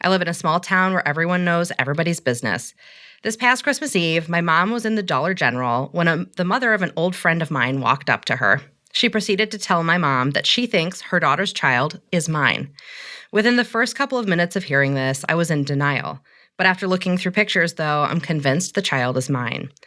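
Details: Adult reading aloud; Normal speech.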